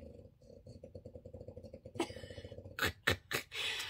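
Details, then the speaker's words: Sleeping pet dog, snoring loudly in a window: low, steady, fluttering rattle, followed by loud handling and rustling near the microphone. "i'm gonna go ahead and can you hear my dog she's snoring in a window you hear it hear that she's very loud"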